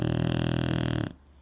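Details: A low, rattling, fluttering breath lasting about a second, then quiet: a single snore from a sleeping Shar Pei dog.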